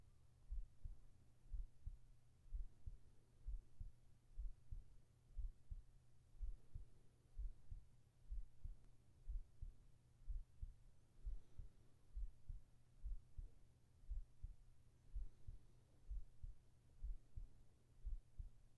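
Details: ASMR heart-sound recording for sleep with whispered voice, female-oriented: steady, soft, low heartbeat at about 60 beats a minute over a faint background hum; a regular heartbeat.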